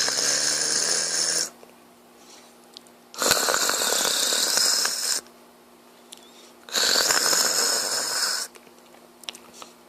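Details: Sleeping father snoring beside a smiling baby: loud rasping breath noises of 1.5–2 seconds each, about three per ten seconds, with quiet gaps; snoring.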